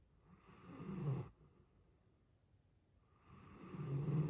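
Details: Loud, low, rumbling snores that build on each breath, separated by quiet gaps of about two seconds, from a sleeping giant Alaskan malamute dog.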